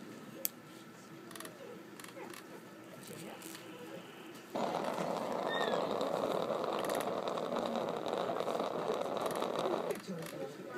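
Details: Nasogastric tube stomach drain on day 1 after TPIAT surgery: steady loud rushing suction hiss that starts abruptly and stops after several seconds, with quiet room noise.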